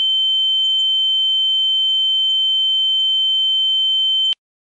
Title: EAR RINGING SOUND EFFECT (HD) - All-round Sounds